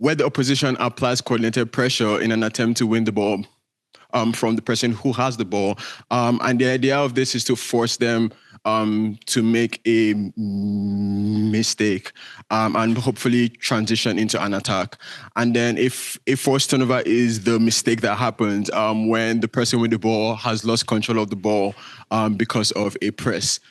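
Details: Male speaker with a self-reported stutter that shows as repetitions, prolongations or blockages. Stuttering.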